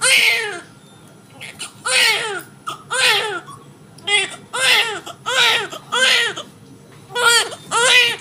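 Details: Just-born healthy baby boy of normal birth weight, right after a normal hospital delivery in India: repeated short, loud, high-pitched cries with brief pauses; a vigorous, normal newborn cry.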